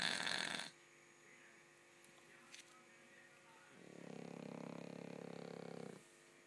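Fluttering, rumbling snore on an in-breath with steady room hum; ordinary dog snoring.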